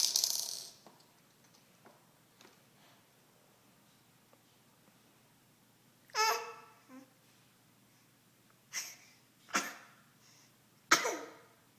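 Several abrupt, explosive bursts of air in a quiet room, one opening with a brief voiced lead-in: a run of sneezes.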